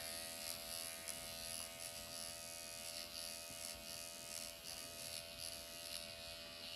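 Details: Automated MD Needle Pen microneedling self-treatment of the forehead at 1 mm needle depth over hyaluronic acid, after numbing cream: steady high motor buzz with faint rhythmic changes as it moves horizontally, vertically, cross-hatching; mild erythema, no pain.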